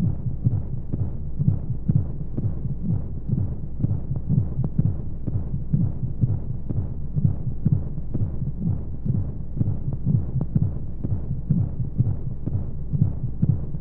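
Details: Simulated womb sound for baby sleep aid: steady low thumping heartbeat at about 125 a minute under soft whooshing flow noise and white noise; heartbeat.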